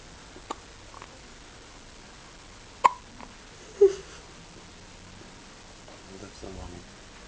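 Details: Newborn baby's first hiccups after birth, following frequent hiccups in the womb: several sharp hiccups at irregular intervals with faint talk and room noise.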